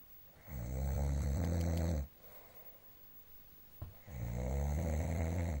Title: snoring